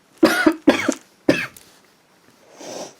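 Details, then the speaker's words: Three harsh, loose coughs in quick succession, then a quiet throat sound, from an adult woman with an acute cough during a cold. "Excuse me. Ugh. Ugh. Sorry about that. So yeah, my body was like, you need to slow down, you're not well"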